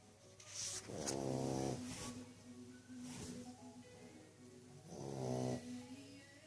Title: Budda the english bulldog is snoring loudly